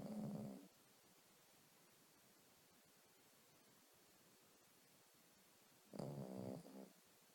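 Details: A female dog sleeping on her owner's bed in the morning, snoring loudly enough to keep the owner awake: two rattling, growly snores about six seconds apart with quiet room hiss between.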